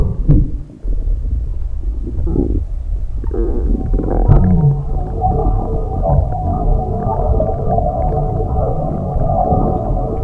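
Long, low gurgling and rumbling from the belly; ordinary stomach rumbling from gas and fluid moving through the gut.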